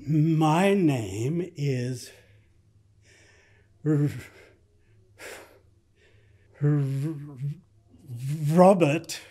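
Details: Elderly man in a fictional short film (acted), who later calls himself a stutterer, trying to say his name with silent blocks and gasping before it; stuttering with blocks.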